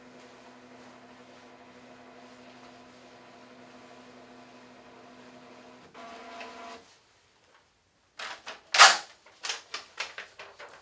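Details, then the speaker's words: Steady mechanical hum, then a burst of clicking and whirring as an EKG machine prints the heart rhythm strip after about 10 seconds of recording with the patient lying still; health science class demonstration. "Once the EKG machine has analyzed the rhythm of the heart, you can then print out the visual image of it."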